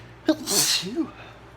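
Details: Morning sneeze attributed to mild allergies: one quick intake, then a single sharp, hissing sneeze burst trailing into a brief voiced sound; sneezing.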